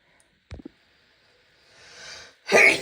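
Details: Female sneezing after a shower: quick catches of breath, a rising hissing inhale, then one explosive sneeze.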